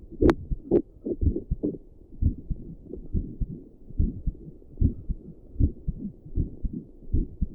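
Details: Own resting heartbeat while sitting at a desk, recorded with combined doppler and stethoscope audio, with a visible neck pulse: steady low paired thumps, about 70 a minute, regular rhythm.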